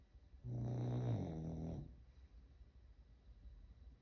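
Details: Snoring.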